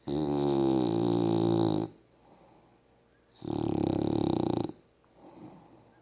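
Two long, loud buzzing snores with quiet exhales between them, in a quiet room: snoring.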